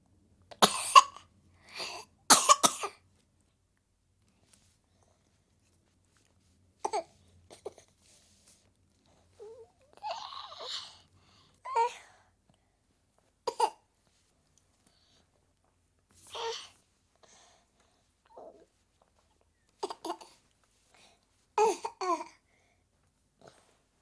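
An infant gives repeated short coughs, some in quick pairs, with soft whimpers between them in a quiet room.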